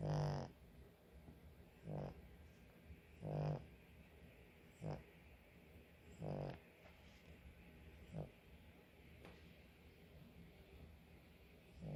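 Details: Sleeping dog that often snores: soft low rumbling snores, roughly every two seconds at first, then spacing out; ordinary snoring.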